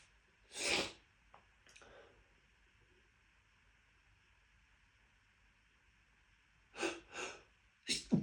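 A loud sneeze, then a quiet pause, then a quick run of three more sneezes: a sneezing fit of about four sneezes.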